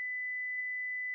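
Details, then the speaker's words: Philips HeartStart FRx AED voice prompts "stay clear of patient, analyzing heart rhythm, shock advised", with a steady, high-pitched one-second shock-advised alert tone after pads are placed on the bare chest. "stay clear of patient analyzing heart rhythm shock advised stay clear of patient"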